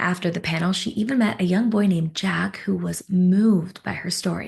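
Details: Adult female narrator; normal speech.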